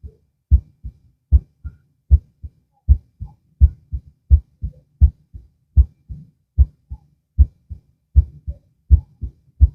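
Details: Stethoscope heart auscultation lying down, two minutes per site; clear, regular lub-dub at about 77 beats a minute, crisp low thuds with quiet gaps; normal heart sounds.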